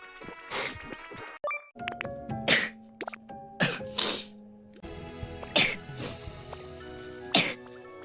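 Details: Sneeze.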